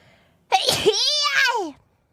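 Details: Single sharp sneeze from the VTuber that trails into a drawn-out voiced sound; sneezing.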